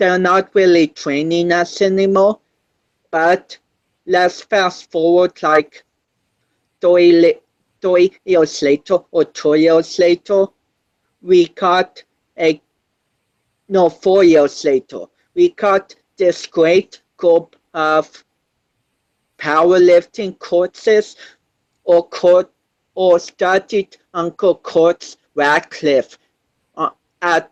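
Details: 25-year-old male born with cerebral palsy affecting balance, coordination and speech; dysarthria associated with cerebral palsy.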